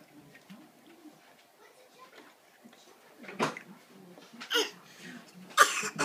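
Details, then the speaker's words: A child giving a bad cough at home. "give a bad cough"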